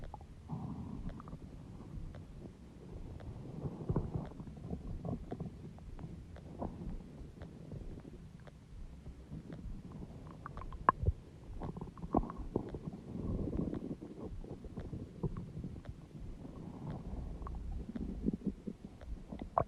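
Long, low gurgling and rumbling with bubbling pops; loud stomach growling, ordinary bowel sounds.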